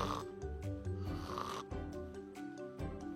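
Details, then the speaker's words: Imitated snoring in short rough bursts with brief gaps, the stop-start pattern of obstructive sleep apnea: the narrowed airway closes during sleep, so breathing effort continues but no air passes. "nah mampet akibatnya namanya slip apnea apnea itu tidak nafas jadi tidak nafas pada saat tidur henti nafas pada saat tidur ya oh makanya berhenti tadi itu ya"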